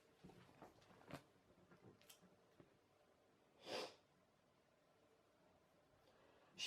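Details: A single sharp, explosive sneeze from an adult woman who says she has a cold, flu-like congestion and a cough, with a few soft sniffs and clicks before it in a quiet room.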